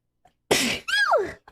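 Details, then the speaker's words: A female streamer sneezes once during a livestream, then insists it was just a sneeze. "i don't know is i just it was just a sneeze it was just a [ __ ] sneeze okay"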